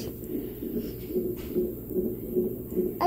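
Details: Fetal heartbeat on Doppler monitor at a 38-week pregnancy appointment: rhythmic whooshing pulses, about 145 beats a minute; baby turned head down from breech by 37 weeks, mother planning a VBAC and feeling possible contractions.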